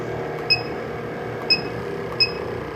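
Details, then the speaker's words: CAIRE SeQual Eclipse 5 portable oxygen concentrator in pulse dose mode: a steady machine hum with three short high chirps as oxygen puffs are delivered. "the ml's is your bolus size or the size of each puff of air that you receive and the number the 2.0 is your pulse setting"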